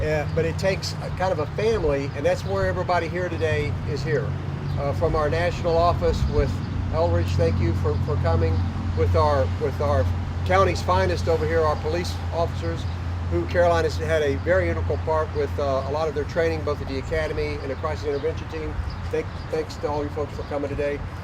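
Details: Adult male speaker; normal speech.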